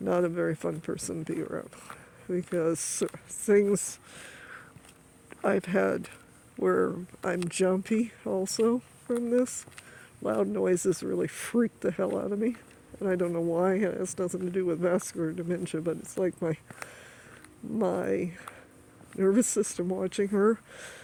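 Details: Adult woman with stuttering that she says comes on when she is stressed, occurring during grief after her mother's death.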